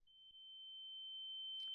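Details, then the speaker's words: Steady high-pitched ringing tone simulating the tinnitus the speaker lives with 24/7. "Yes, I do live with this sound for 247. And if you're experiencing tinitus as well, stay until the end because I'm going to give you very effective tips to manage your tinitus."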